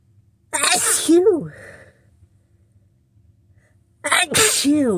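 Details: Person sick with a cold, congested nose after sniffling all day: two loud, forceful sneezes, each preceded by a sharp intake of breath, within a repeated sneezing bout.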